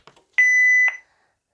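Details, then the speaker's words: Soft button clicks, then a single steady half-second beep from a manual defibrillator as pacing of a bradycardic patient is paused to view the underlying rhythm; training demonstration. "if at any point you want to pause pacing you want to see what the patient's underlying rhythm is we can do that by pause pacing same button it will ask if you are sure that you want to pause pacing"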